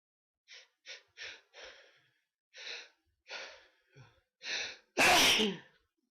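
Several quick inward gasps building up, then one loud forceful sneeze.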